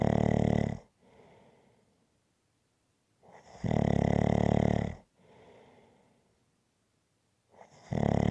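Loud, harsh snores on each in-breath with a softer breathy out-breath, about 15 breaths a minute. Rhythmic heavy snoring.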